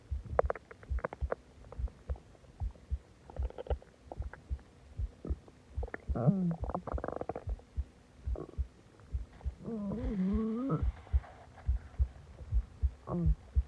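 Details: Loud gurgling and rumbling belly sounds with longer groaning growls after eating a lot and drinking soda; harmless stomach growling (borborygmi).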